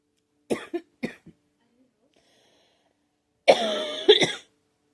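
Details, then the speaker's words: Girl coughing who says she thinks she is getting a cold, with a scratchy, sore throat: four short dry coughs, then after a pause a longer harsh voiced cough; cough with a common cold. "I think I'm getting a cold or something, but I need a drink. Excuse me. Yeah, my throat's been kind of scratchy and it's kind of sore."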